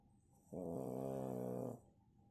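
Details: Snoring from a sleeping pug: a single drawn-out, buzzing, tone-like snore of about a second, typical of a flat-faced dog's noisy sleep breathing.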